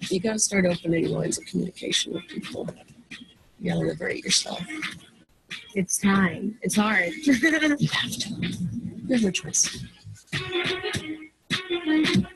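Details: Adult speaker; normal speech.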